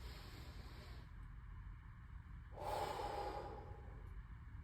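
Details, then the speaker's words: Demonstration of a low-level huff (forced expiration technique) for airway clearance: breathe in through the nose, hold three seconds, then a soft, prolonged, breathy push out through the mouth until no air moves. "What we're going to do, we're going to breathe in through our nose, hold it for three seconds, and then gently kind of force it out, but and we hold that force until we feel no more air movement."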